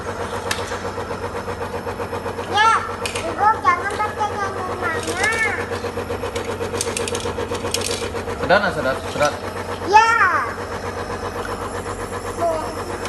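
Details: Child using a compressor nebulizer, coached by an adult to inhale: steady mechanical hum and rattle of the running nebulizer, with child's voice and adult coaching in background.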